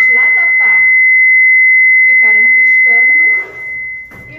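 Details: Philips Efficia DFM100 biphasic defibrillator during staff training, 150 J selected and charged: a steady high-pitched tone holding about three seconds while someone speaks, the ready-to-shock signal.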